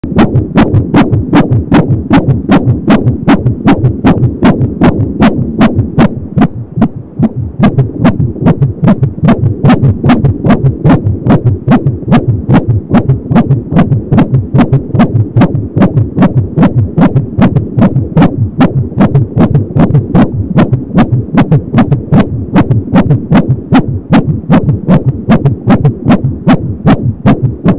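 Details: Fetal heartbeat at 22 weeks of pregnancy on an Angel Sound home fetal Doppler, rapid and regular at about 170 beats a minute, with whooshing umbilical cord sounds.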